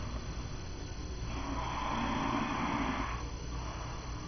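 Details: Adult man snoring during sleep: a single soft, rough inhaled snore rising out of steady background hiss.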